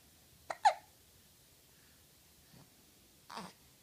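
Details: Hiccups: a few short, sharp gulping sounds spaced apart in a quiet room.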